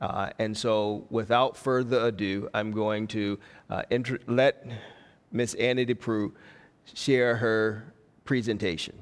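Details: Adult man speaking; Normal speech.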